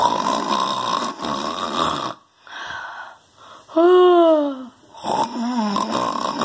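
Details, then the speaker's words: Adult man snoring loudly while asleep: loud, rough, rattling breathing in repeated bursts, one with a drawn-out groaning voiced tone; heavy snoring. "guys, I'm sorry you had to hear that. Christopher does snore loud. I'm sorry about that, guys."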